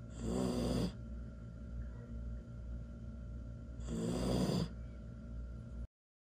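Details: 11-week-old Samoyed puppy snoring while asleep: two rattling snores, about 16 breaths a minute, over a steady room hum.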